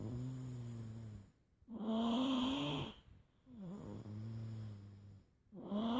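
Deep, rattling snores on both breathing in and out, with long, loud inhaled snores separated by brief quiet pauses.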